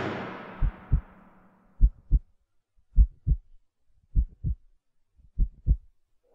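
Music fades out, then soft paired low thumps, lub-dub, at about 50 beats a minute; a slow heartbeat sound effect.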